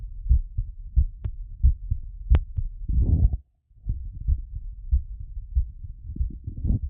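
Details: Auscultation during post-exercise recovery: regular low heart thumps about 90 per minute with a brief rubbing noise; normal heart beating fast after exercise.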